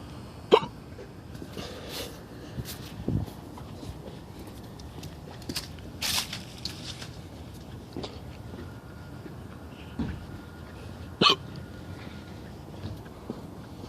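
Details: Hiccups (singultus) in a person who asks how to cure them.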